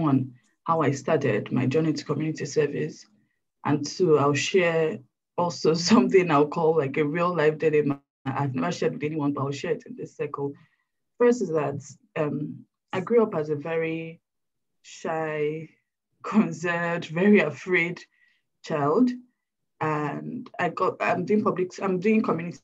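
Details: Adult woman who still stutters, struggles with it daily, and reports shaking, anxiety and sweating when speaking: stuttering.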